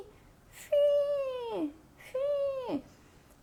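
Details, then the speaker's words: Voiced imitation of expiratory wheeze: sustained high-pitched musical whistling at the end of expiration, as in obstructive diseases such as asthma or emphysema; typically heard with a stethoscope. "nas doenças obstrutivas por exemplo asma enfisema é um barulho no fim da expiração"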